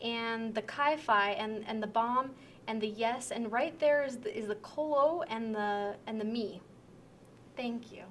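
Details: Simulated demonstration of severe transcortical sensory aphasia during a picture description task, with impaired comprehension, relatively intact repetition and possible unawareness of difficulties; transcortical sensory aphasia.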